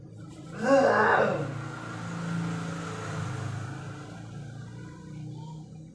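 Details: A man's unusual cough: a sharp cough burst followed by a long, low, droning vocal sound that resembles a cow's moo.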